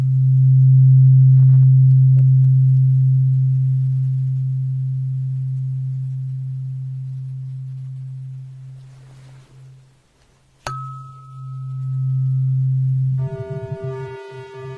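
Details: Simulated hearing test tones in an ASMR doctor roleplay: a loud, steady low hum fading slowly, then a struck ringing tone and a fuller ringing tone.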